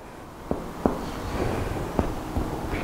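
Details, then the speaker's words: Chest percussion during a respiratory exam demonstration: normal resonant lung note, then a duller, muffled sound over the heart; normal cardiac dullness on percussion. "Aquí tenemos la resonancia normal del pulmón y aquí la matidez cardíaca, que como percibimos tiene un sonido diferente."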